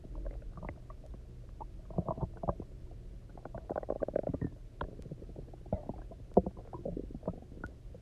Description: these ones are so resonant and gurgly, my poor tummy was screaming for something to eat!